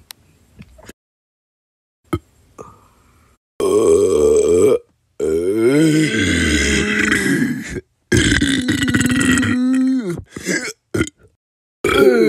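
Several loud, long, croaking belches in a row, separated by brief pauses; repeated burping.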